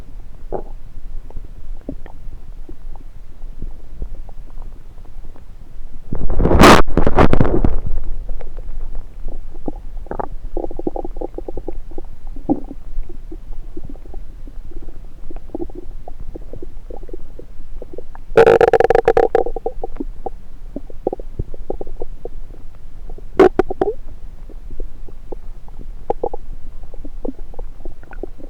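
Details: Stethoscope placed on multiple parts of the belly picks up irregular gurgles, clicks and two loud rumbling bursts: active bowel sounds (borborygmi).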